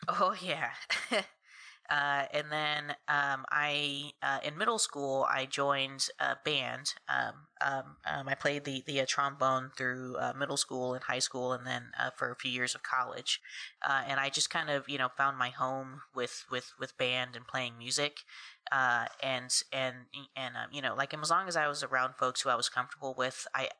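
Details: Adult woman who has stuttered since about age three and says she stutters less around people she is comfortable with; stuttering.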